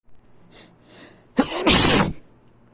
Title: sneezing